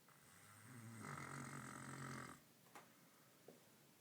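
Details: Snoring in a sleeping dog, Zach, described as deaf: one long, low, buzzing snore on the breath in, then quiet breathing with faint clicks.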